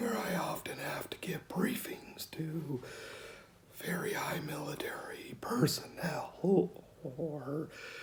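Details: 49-year-old man, diagnosed at 35 in 2004 with rare mixed adductor/abductor spasmodic dysphonia, self-described somewhat severe; treated with Botox injections that do not last long, and he says he really needs his next one.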